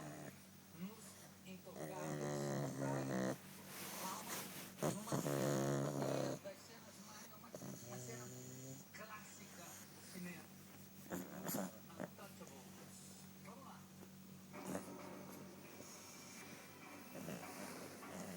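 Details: Loud, rough, rattling snoring breaths in repeated bursts over a constant background hum from a sleeping cat; noisy snoring.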